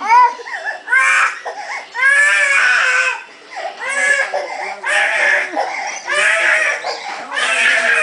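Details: Young girl's tantrum because she wanted to play outside: loud, sustained screaming and wailing cries in repeated bursts, crying (tantrum).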